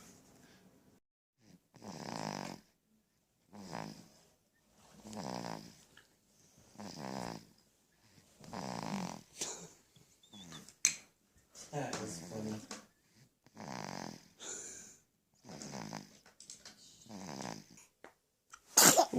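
An infant snores in steady rhythmic bursts, each breath carrying a soft buzzing rattle.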